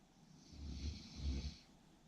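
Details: Snoring during sleep: a single low, rumbling, rattling breath that swells and fades over about a second.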